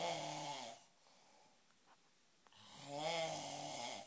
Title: A Snoring Experience at Urbana 2012